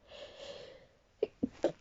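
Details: Person in an ongoing sneezing fit, voice nearly gone: a breathy intake followed by three short, sharp sneezes in quick succession.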